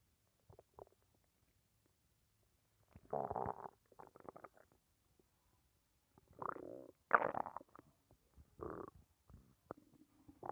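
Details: Abdomen after a lunch of rice, beans, pork and chicken: irregular gurgles and rumbles, felt by hand; normal bowel sounds (borborygmi) of digestion.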